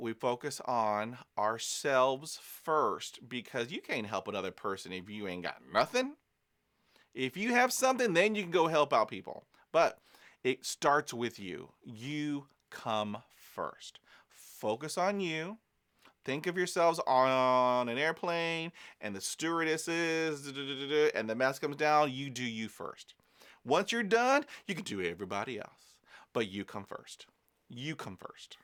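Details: Adult man who stutters, speaking in real life: stuttering.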